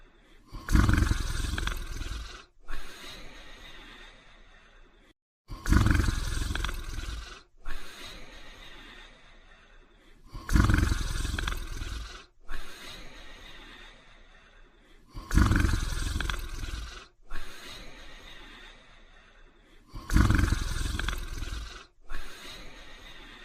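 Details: Loud, rough, rumbling snores repeating steadily at about 13 breaths a minute during sleep; snoring.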